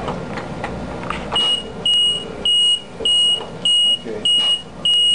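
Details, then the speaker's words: LP10 ventilator with high pressure limit set at 60: repeated high-pitched electronic beeps, about 100 a minute, over machine noise, the high pressure alarm as airway pressure reaches the limit; low pressure limit 10. "it's high pressure oh that's why his lungs is not this stiff okay CU it's going to high pressure 60 long see you still got a high pressure"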